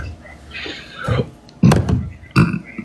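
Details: Deep, loud, rumbling bursts after a brief voiced sound, from someone on a livestream: a run of belches.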